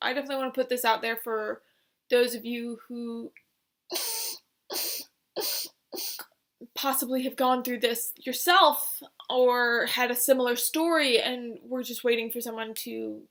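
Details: Adult woman with adult-onset Tourette syndrome, symptoms from age 19, vocal tics changing over time while motor tics stay similar; swearing and repeated words; simple vocal tics (Tourette syndrome).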